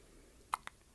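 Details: 4-day-old newborn boy who feeds well (6 lb 2.6 oz to 6 lb 9 oz in four days): a soft, sharp hiccup followed by a fainter click in a quiet room; hiccups.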